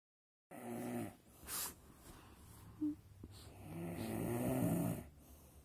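Rough, low snoring on the breath, with one long rattling snore toward the end and a few soft snorts between.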